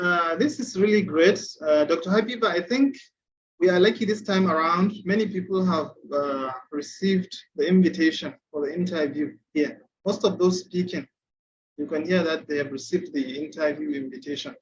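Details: Adult speaker; Typical speech.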